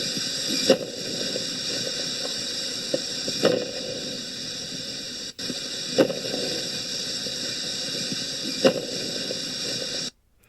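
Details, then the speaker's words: Teaching lung exam case, bilateral top-to-bottom lung fields: steady breath hiss with a few wheezes and superimposed crunchy crackles, possibly early in timing (uncertain), plus decreased breath sounds. "that crunchy noise was crackles as well so in both bilateral top-to-bottom lung fields you appreciated the few squeezes and crackles"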